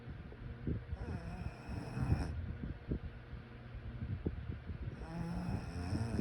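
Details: During sleep, low rattling rumbles rise and fall, with two louder snores in about six seconds: snoring.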